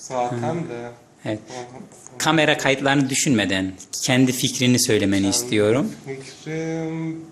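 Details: Adult male speaker; typical speech.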